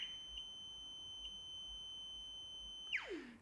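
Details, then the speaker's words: Navigator wireless surgical gamma probe held on a test check source: a steady high electronic tone sweeping down in pitch at the end, the audible count signal during a quick function check. "you can use a test check source to hear the sound and read counts the wireless probe has a self-calibrating mechanism so all you need is to make sure the probe is Reading"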